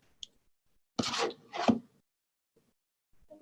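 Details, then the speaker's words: EMG needle electrode insertion into muscle: brief crackling bursts of static, then quiet; normal EMG insertional activity. "so this is normal insertional activity i'm going to play for you one more time"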